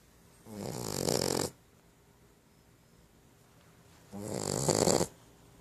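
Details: Female Boxer puppy asleep: two long, rough, rattling breaths a few seconds apart, each about one second, a surprisingly massive snore for a little puppy: snoring.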